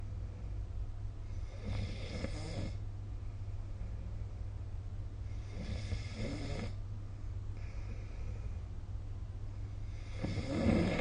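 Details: Snoring of a sleeper, recorded with the SnoreLab phone app.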